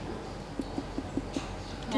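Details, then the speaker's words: Abdominal percussion of an adult male across 13 points, starting at the right upper quadrant: a tympanic percussion note. "Perkusi di ke-13 titik dulu, mulai dari kuadran kanan atas ya. Ini adalah suara timpani."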